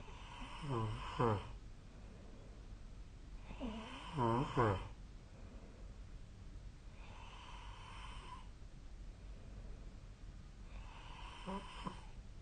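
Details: Sleep snoring recorded with the SnoreLab app on 2025/04/07: vibrating, fluttering snores on inhaling, about four breaths over 12 seconds, over a quiet room hum.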